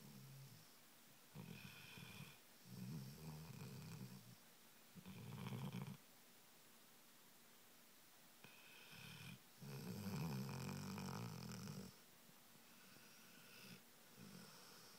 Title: snoring dog